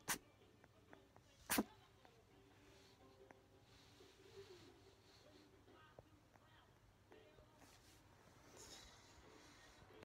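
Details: Pomeranian puppy woken from sleep by a sudden sneezing fit: two sharp, explosive bursts near the start, then quiet room noise with faint soft sounds; dog sneezing.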